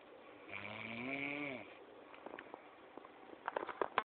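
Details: Woman snoring in her sleep: a single drawn-out, buzzing inhaled snore followed by faint rustling and clicks in a quiet room.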